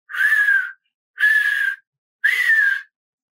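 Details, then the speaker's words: Person imitating a wheeze, for teaching auscultation in dogs and cats: three high whistling tones, each under a second, from narrowed small airways, usually expiratory, mainly in asthma. "normalmente expiratório, ocorre principalmente na asma."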